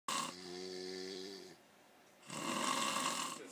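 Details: Two adults snoring after drinking wine: a short buzzing snore on the breath in, then a pause and a noisy breath out.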